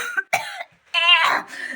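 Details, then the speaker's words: An adult woman who says she has a bad cough gives three short, voiced cough bursts, performed for comedy as a "welcome cough" demonstration: cough. "आज मेरी आवाज़ आपको थोड़ा अलग लग रही होगी ना, खांसी हो रही है इतनी भयंकर।"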